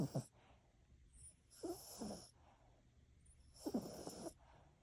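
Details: Sleeping poodle gives soft, quiet, rhythmic snoring snorts, about one every two seconds.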